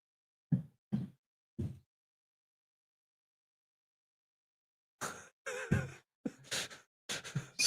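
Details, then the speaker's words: A sleeping female dog gives three short low snorts, pauses, then a run of muffled whines and yips; the owners suspect a nightmare. Snoring with sleep vocalizations. "Oh, Edy's snoring down there. Ed's having nightmares or something."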